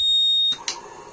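A single steady high-pitched electronic beep, a ventilator alarm signalling the machine has stopped in an abnormal situation.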